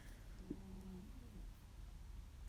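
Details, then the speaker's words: Faint, low whistling snore from a pet cat fast asleep, with steady low room noise behind it; ordinary snoring. "sorry if you can hear a little bit of noise in the background that is my one of my cats snoring so if you can hear him please excuse him he's fast asleep"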